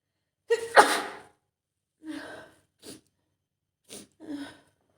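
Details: Acted role-play of a female friend coming down with a cold after being out in the rain, with throat starting to hurt: one strong sneeze with a sharp in-breath, then softer breathy sounds and sniffs.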